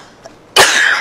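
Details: Frequent, heavy, obstructed chronic cough from an adult woman, with phlegm, while seated upright during a hands-on breathing session.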